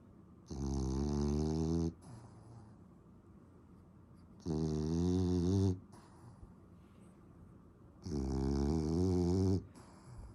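Loud, long, buzzing snores with quiet breathing between them, about 16 breaths a minute in a regular rhythm.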